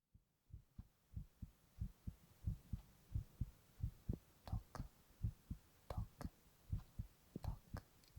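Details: Steady low paired thumps at about 85 beats a minute, with faint male whispered onomatopoeia over some beats: a normal adult heartbeat recorded for ASMR.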